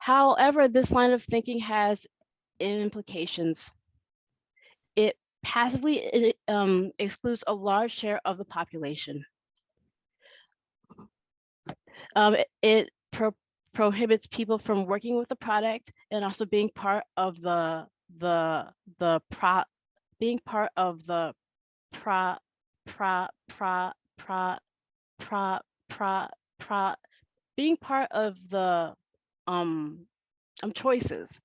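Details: Adult woman who states she has stuttered since she could talk, with phrase repetitions here; stuttering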